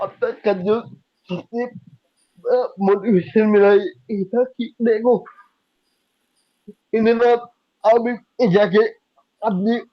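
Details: Young adult man with cerebral palsy diagnosed at age 2, unable to speak as a child, still needing double effort to speak clearly; dysarthria (cerebral palsy).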